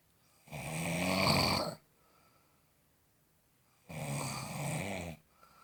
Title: Snoring frenzy